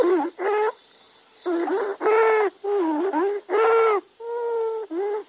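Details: Sample lung sound replayed in a stethoscope auscultation teaching quiz: loud, high-pitched, musical crowing sounds in quick bursts with breathing: stridor from a narrowed upper airway.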